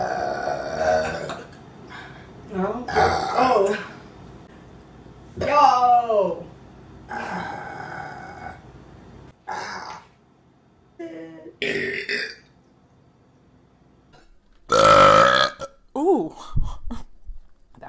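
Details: Women burping during mukbang eating videos: a series of loud, drawn-out voiced belches with short pauses and brief talk between them.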